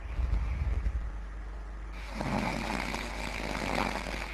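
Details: Deep rumbling snore followed by a harsher, noisy breath over a steady background hum; snoring.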